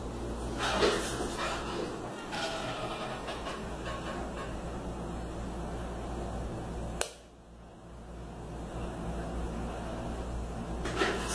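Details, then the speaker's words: Needle-free jet injector (Comfort-in) firing dental anaesthetic by pressure on a patient in a dental clinic, testing the method: a single sharp snap over room noise; patient reports no pain. "Acabei de receber aqui no consultório anestesia sem agulha vamos testar aqui no paciente para ver se o método é eficaz"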